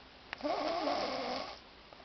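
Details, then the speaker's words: Snoring from a sleeping partner, recorded by someone kept awake for hours; snoring. "my baby snoring her ass out this is what I deal with this is what I dealt with for the past couple hours trying to sleep but I can't"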